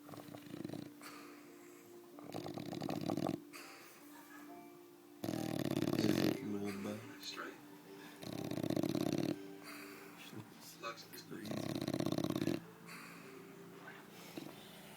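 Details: Bulldog snoring during sleep: loud, rattling, buzzy snores on each breath, about four over fifteen seconds, with quiet gaps between.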